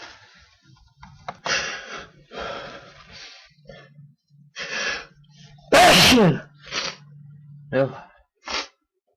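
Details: A natural, unprovoked sneeze within a sneezing fit: breathy gasping in-breaths and murmurs build to one loud, explosive sneeze, followed by further catching breaths.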